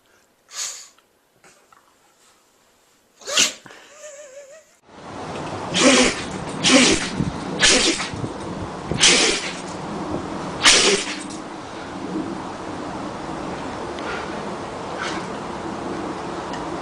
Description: The funniest and most adorable clips of dogs and puppies having crazy sneeze attacks, all in one video.